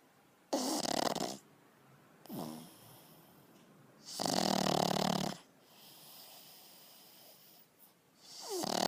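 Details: Loud, harsh rattling snores on inhalation with softer wheezy exhalations from a sleeping pug, a flat-faced dog breed; snoring.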